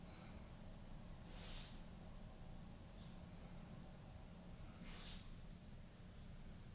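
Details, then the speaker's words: Dog sneezing in the background; two faint, brief snorting sneezes over a steady low room hum: sneeze. "don't know if you can hear the dog sneezing. It's pretty cute."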